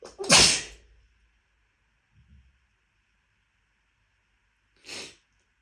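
Two sneezes: a loud explosive sneeze at the start and a softer one a few seconds later, typical of a sneezing fit.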